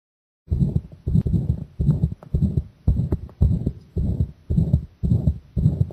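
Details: Own heartbeat recorded with the chest pressed (compressed), already pounding from the start: strong, regular, heavy booming thumps at about 110 a minute, a fast pounding heartbeat.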